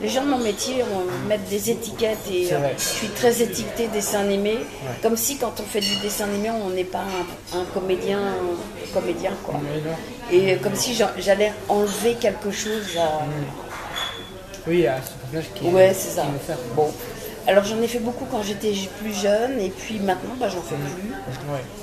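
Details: Real adult French-speaking woman, a voice actress, with a slight stutter that returns when voicing children, which she links to extreme childhood shyness; she also reports severe dyslexia causing word-finding trouble and word substitutions; stuttering.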